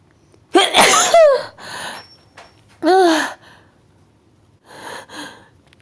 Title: Build up and a powerful sneeze at the end